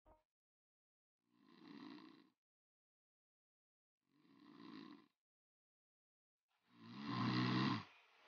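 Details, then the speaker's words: Three loud, rattling snores in slow succession, the last loudest and harshest; snoring, discussed as a possible sign of sleep apnea. "mendengkur saat tidur bukan hanya mengganggu orang di sekitar saja tapi Tahukah Anda kalau mendengkur bisa menjadi tanda adanya masalah kesehatan pada tubuh"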